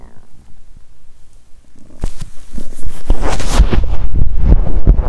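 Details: Loud stomach growling after exercising on an empty stomach, feeling nauseous with cramping gut: quiet start, then loud bubbling, churning rumbles.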